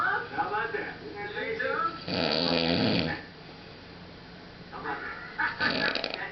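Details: Man passed out asleep after a night of heavy drinking: a loud rattling snore on an in-breath, a quiet pause, then a second snore starting; snoring.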